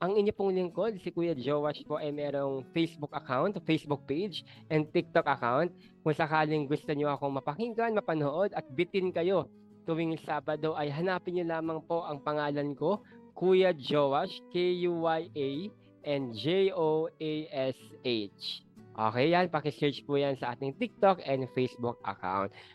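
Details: Adult male speaker; normal speech.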